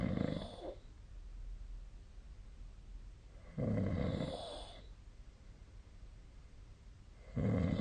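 Low rough snores recurring every few seconds, about 16 a minute, over steady room noise; snoring during sleep.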